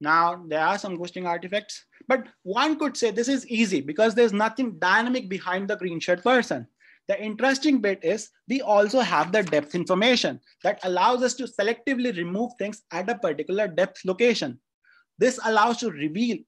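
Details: Adult speaker; ordinary speech.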